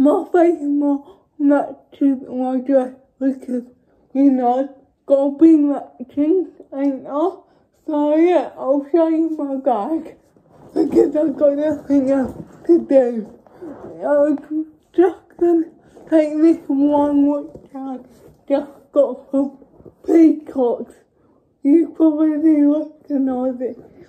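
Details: Dysarthric speech in a young woman with cerebral palsy.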